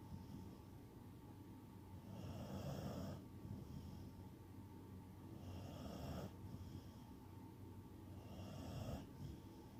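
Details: Sleeping person snoring softly and rhythmically, with a light whistling edge on each breath, about three breaths in ten seconds, over steady room hum.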